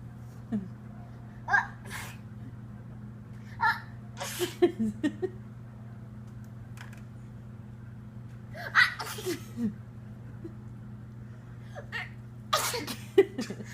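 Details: Baby sneezing: several short, sharp sneeze bursts, with adult laughter in the background.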